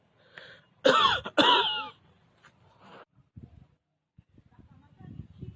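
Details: Cough in a staged comedy skit about reactions to coughing and sneezing: two loud, harsh voiced coughs in close succession, then quiet room noise and faint movement.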